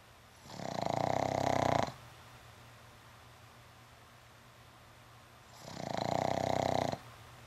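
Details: Pug snoring while asleep after an afternoon at the dog park: two loud, rattling, rumbling snores about five seconds apart, each over a second long, with quiet between them; likened to a Harley Davidson.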